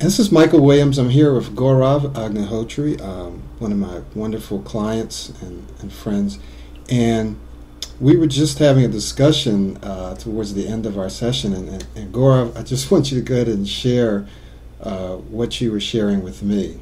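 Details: Adult male speaker; no speech disorder.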